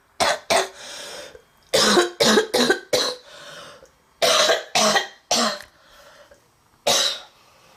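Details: Girl in a severe, relentless coughing fit: about nine harsh, violent coughs in clustered bursts, with loud wheezy, noisy breaths and gasps drawn between them, plus throat clearing and sighs; congested-sounding lungs.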